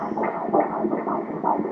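Rapid, regular whooshing pulses of a fetal heartbeat on Doppler ultrasound, a normal finding at 13 weeks.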